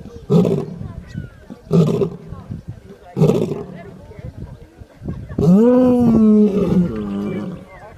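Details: Very loud, booming snoring from a lion sleeping deeply.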